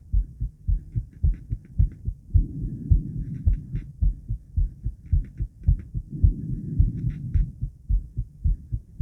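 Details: Adult female's heartbeat recorded after 50 squats: strong, regular low thumps at about 107 a minute with brief rustling; normal heart sounds, fast rate after exercise.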